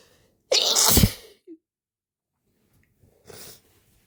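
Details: Sneezing brought on by chhinkni sneezing powder, used for the first time, with the nose also stimulated by a rolled-up napkin. A sharp intake, a loud explosive sneeze, then a softer second sneeze seconds later.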